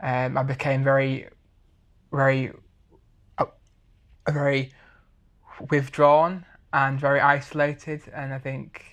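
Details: 23-year-old man who has stammered since he learned to talk, with blocks especially on p, b and t sounds; stammering.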